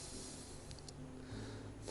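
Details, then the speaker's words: Loud snoring, described as being like a tractor and heard even from outside. "а храпит то он ребята вообще как трактор слышно даже на улице как он храпит"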